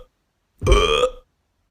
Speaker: let's do a burp contest oh my goodness this will be fun watch this here's mine how about this one or this one